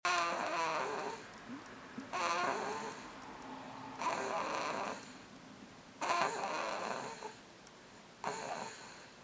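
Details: Baby in deep sleep snoring: rhythmic rough, vibrating snoring breaths, about 29 a minute.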